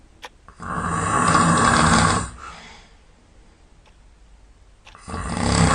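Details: Snoring at night, sound asleep: two loud, rough, rumbling breaths drawn in during sleep, separated by a quiet pause.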